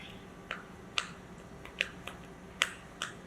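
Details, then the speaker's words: Osteoplex bone cement for bipedicular vertebral augmentation (ZVplasty) shaken 15 seconds after liquid catalyst is added to powder: sharp irregular rattling clicks from sealed container with loose metal mixing bowl inside. "Replace the cap and shake for 15 seconds. You let the bowl do the mixing."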